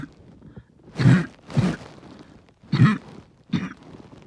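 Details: Barking cough with the chest really hurting: four harsh, low, deep coughs in about three seconds.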